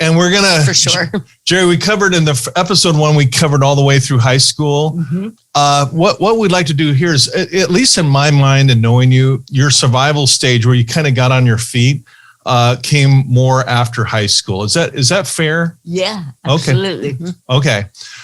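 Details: Adult man speaking; normal speech.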